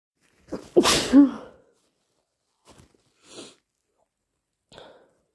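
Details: One loud explosive sneeze, deliberately induced, then soft sniffs and nasal sounds, with morning congestion and a sensitive, itchy, slightly stuffy nose while recovering from a lingering cold: sneezing.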